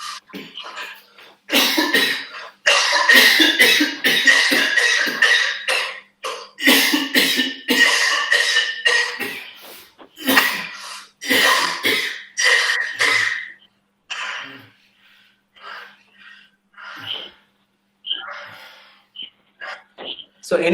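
Repeated harsh coughs in close bursts, some run together into fits, then trailing off into shorter, weaker coughs.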